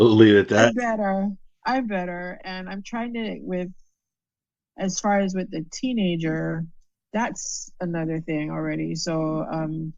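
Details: Adult female stroke survivor with aphasia after a stroke, with word-finding difficulty.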